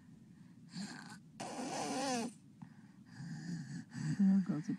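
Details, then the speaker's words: Sleep-disordered breathing in a child, recorded February 6, 2009: mouth-breathing snoring while not congested, then breath-holding in which no air reaches the lungs, broken by a loud snorting gasp, fading into weak obstructed breaths; obstructive sleep apnea with gasping and snoring. "you can hear him snoring he's breathing through his mouth and up to his nose and he's not congested now um there he goes saw that now he's gasping for air the breath they took beforehand he was actually not getting anything into his lungs"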